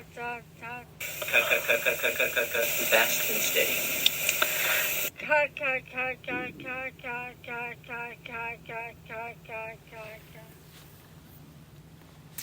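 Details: Female patient with moderately severe spastic dysarthria suggestive of bilateral upper motor neuron dysfunction affecting bulbar musculature, with dysphagia, referred for speech therapy; spastic dysarthria.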